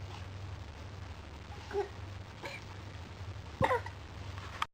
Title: 10 mth old cough cough